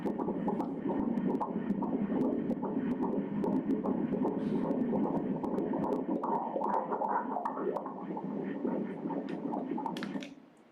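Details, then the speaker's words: Fast, rhythmic whooshing Doppler pulses of a fetal heartbeat during an obstetric ultrasound at 25 weeks of pregnancy, a normal finding. "Let's hear the heartbeats here"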